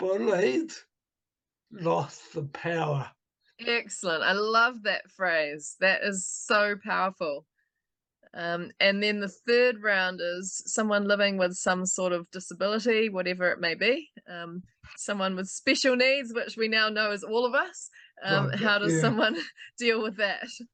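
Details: Adult speaker; typical speech.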